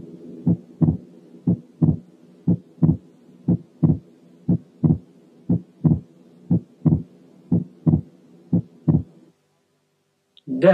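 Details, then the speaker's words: Wide split second heart sound: two S2 components far apart, the third and clearest example in a series of progressively wider splits, in a cardiac auscultation teaching course. "ده أوضح وأوضح لأن التو كومبوننتس بعاد عن بعض جدا."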